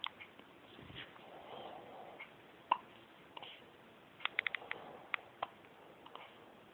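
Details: Hiccups: a series of brief, sharp clicks and gulps, several clustered together, in a quiet room.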